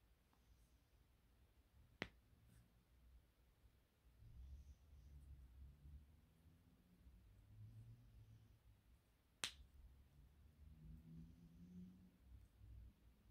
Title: cracking bones